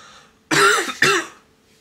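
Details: Sick adult who suspects fresher's flu and has been taking paracetamol: two harsh, loose cough bursts in quick succession in a quiet room; cough.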